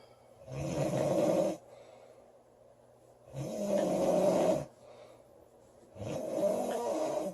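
Loud, rattling snores lasting about a second each, roughly 22 a minute, with quiet gaps between. Snoring.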